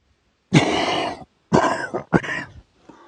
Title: Men cough during sleep